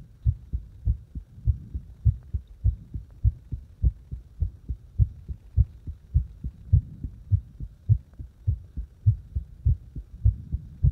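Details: Heartbeat deliberately made to speed up and slow down; steady low thumping at about 100 beats a minute with slight variation in spacing between beats.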